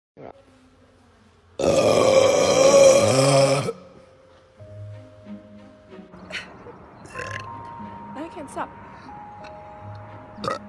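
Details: Girl burping in a TikTok clip: one long, loud, rumbling burp of about two seconds, followed by background music.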